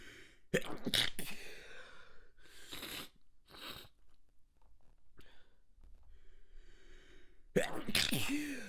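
Several sharp, muffled, wet bursts held back with a closed mouth, with breathy pauses between them: a fit of stifled sneezes.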